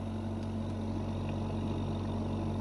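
Steady low mechanical hum with a constant engine-like drone. Home oxygen concentrator running.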